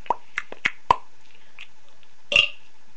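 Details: Short clicking, gulping sounds followed by one brief belch in a quiet room, from a young woman burping the alphabet in French; small burps.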